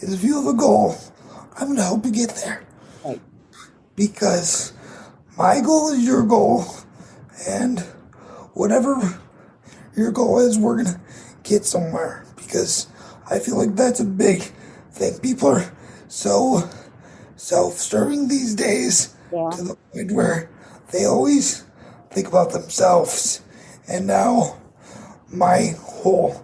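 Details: 22-year-old man with cerebral palsy affecting his muscles, tighter muscles making talking more difficult; dysarthria (cerebral palsy).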